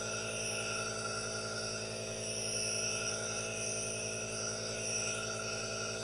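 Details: Aerosol nebulizer running for a no-talking ASMR relaxation recording with hand movements: steady continuous hiss with a constant low hum, no other sounds.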